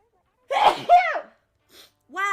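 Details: A sharp inhaled catch followed by an explosive sneeze, then a brief vocal trailing sound and faint noises after.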